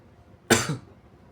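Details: Sneeze induced with a paper tissue, partly held back: a single sudden, forceful, wet sneeze burst with a brief trailing exhale.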